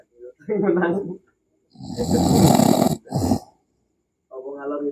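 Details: Sleeping adult snoring: loud, rough, rattling snore with short groaning voiced sounds on either side.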